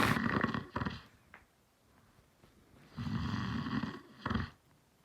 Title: my dad snores